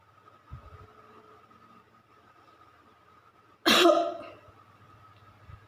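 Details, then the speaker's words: Nursing skills demonstration of effective cough, with a sputum pot held ready: a deep breath in, then one strong, forceful cough meant to bring secretions out. Faint background hum. "diusahakan batuknya agak kuat agar sekret dapat keluar dengan baik"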